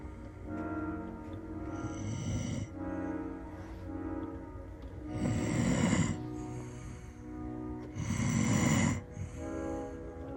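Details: Sleeping dog snoring loudly with rattling breaths, two strong snores standing out, over background music.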